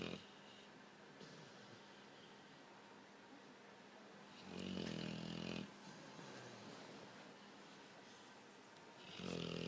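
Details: Sleeping overweight blue-nose pitbull dog snoring with facial movements: two loud rattling snores separated by quieter breathing and light room noise; snoring.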